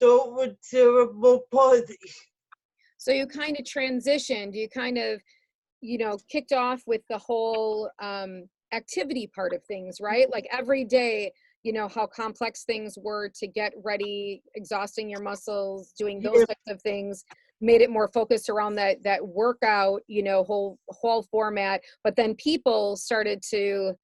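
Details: Adult woman speaking; typical speech.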